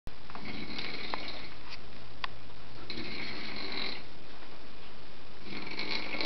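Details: Dog snoring: a loud, steady, low rattling snore over a constant hiss of background noise.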